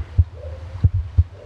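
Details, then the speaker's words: Deep, soft thumps at a steady pace: a Border Collie's normal heartbeat recorded by an iPhone microphone pressed to the wetted chest just under the front leg. "heartbeat that's quite cool it works"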